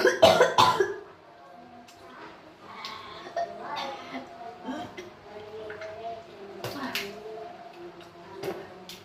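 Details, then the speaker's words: A few harsh cough bursts, then quiet talk and faint background music, in a pregnant woman's vlog about a cold-season illness with cough, nausea, dizziness and vomiting; cough. "Batuk di batuk deui."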